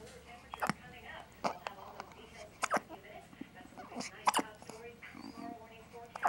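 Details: One-day-old baby girl with a hiccup episode lasting about 6 minutes: short, sharp, repeated gulping catches, about five in six seconds, over quiet room noise with soft voices; infant hiccups.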